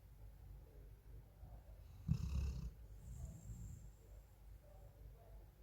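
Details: Low rumbling breath with a louder snort-like burst midway from a sleeping female Golden Retriever; snoring.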